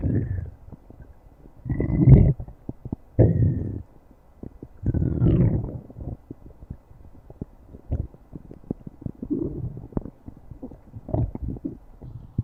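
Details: Stomach growling: low, irregular gurgling rumbles with brief squeaky tones.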